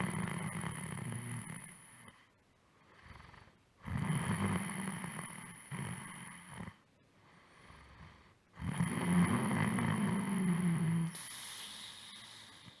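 Loud, rough, low-pitched breathing noises come in bursts separated by short quiet gaps, typical of snoring during sleep.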